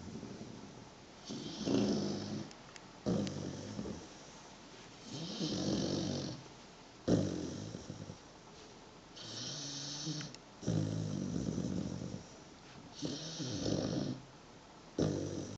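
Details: Dog aged 123 days, 23 kg, asleep on a person's foot, snoring loudly: repeated snuffling snores with airy, hissing out-breaths, about 15 breaths a minute, somewhat irregular.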